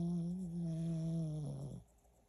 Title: Listen : Mochi my dog is snoring super cute